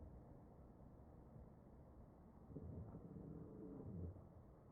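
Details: Real ventilated patient's chest recorded with an electronic stethoscope, wheezing during ventilator-driven breaths.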